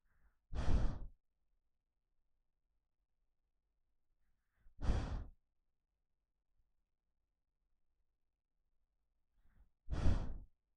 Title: dog sleeping and breathing sound